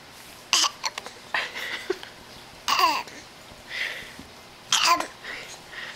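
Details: A young child being silly while reading a book makes fake, imitated coughs: three sharp bursts with softer breathy sounds between them.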